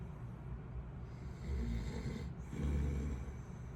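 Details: Adult man (dad) snoring while asleep on vacation: low rumbling snores with each breath in, about two in under four seconds, over steady vehicle noise.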